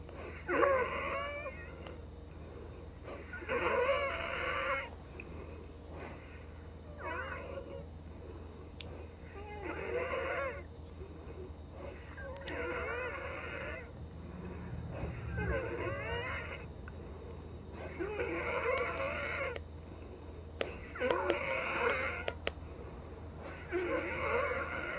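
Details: Woman with Down syndrome wheezing again soon after a DuoNeb breathing treatment, next due Arformoterol and Pulmicort: repeated musical, whistling breaths about 21 per minute; infection not yet checked.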